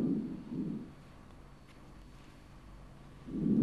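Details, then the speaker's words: Lung auscultation moving down from the right upper apex: soft, low, rustling breath sounds that remain normal vesicular over the upper and lower chest, with no breath sounds heard lower down. "jadi ternyata di sini bunyi napas pokok Di sini masih normal vesikuler dan bunyi napas di sini di atas masih vesikuler"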